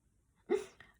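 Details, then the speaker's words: Person with tic disorder since September 2020, recounting tic history, tics triggered by talking about them: single sudden brief voiced outburst like a sharp yelp or gulp in a quiet room; vocal tic. "just disclaimer the reason that i'm ticking the ticks that i'm talking about is because when you talk about a tick and bring attention to a tick it usually happens from there"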